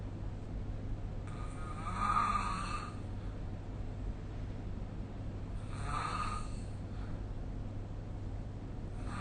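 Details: Two rough, rasping snores a few seconds apart over low room rumble, recorded during sleep with the SnoreLab phone app.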